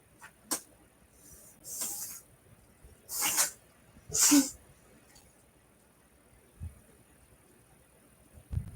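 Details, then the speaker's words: A small pet, Rascal, sneezes in three or four short, sharp hissing bursts in a quiet room while a book is read aloud; animal sneezing. "You sneezed. That's rascal."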